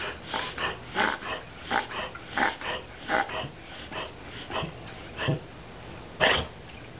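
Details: Dog making rapid, repeated snorting inhalations, caused by soft palate and laryngeal spasm: reverse sneeze (inspiratory paroxysmal respiration).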